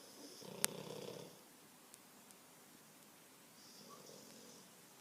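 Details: French Bulldog snoring while asleep: one short snorting snore with a click, then faint breathing in a quiet room; snoring in a flat-faced dog.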